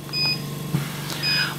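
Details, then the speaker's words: Two short high electronic beeps over a steady motor hum as control panel buttons (M key entering timer mode) are pressed on a running Canta Intelligent V 8 L/min veterinary oxygen concentrator: device control panel beep. "if we press the m this will put us into the time control mode our number has started flashing to show we're editing this"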